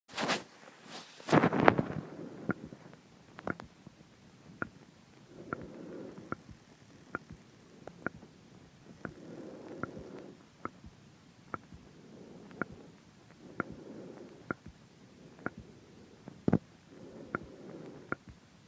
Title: clicking sound in throat in sync with heartrate